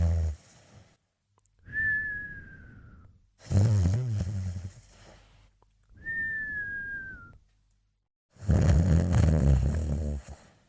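Slow, loud rumbling snores alternating with whistling nasal breaths, about four breaths in eleven seconds; snoring during sleep.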